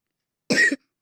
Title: извините что кашель просто заболел